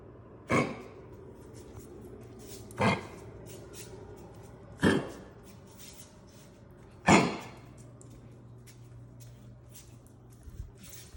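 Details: Four short, harsh coughs from a dog indoors, a few seconds apart over about eleven seconds; the owner reports the coughing stops as soon as he is put out the back door.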